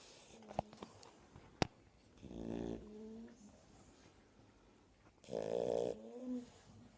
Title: Shar pei puppies snoring